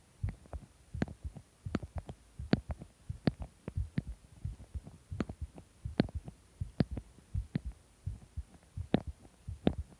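Steady heartbeat, about 84 a minute, with sharp click-like sounds riding on the beats; an unusual heart sound.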